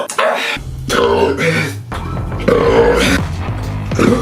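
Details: Boy deliberately burping after chugging large amounts of soda in a challenge: long, loud, low, drawn-out rumbling belches over background music; deliberate loud burping.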